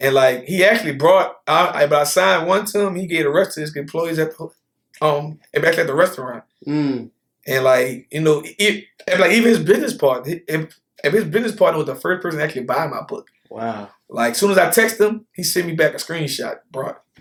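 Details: Lifelong stuttering in an adult man, who could not get words out until age 18, with repetitions in this stretch.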